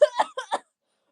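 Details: Cough in a sick person who reports a fever that is now lower after being bad the day before and says she feels worse; uncontrollable cough that goes on with no end.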